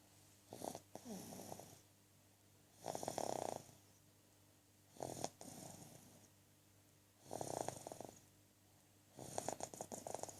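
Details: Five rattling, fluttering breath sounds about two seconds apart, near 27 a minute; snoring.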